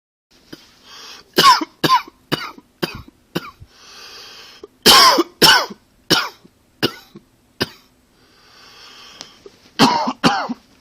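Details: Around a dozen harsh, abrupt coughs in clusters with audible breaths between; repeated coughing.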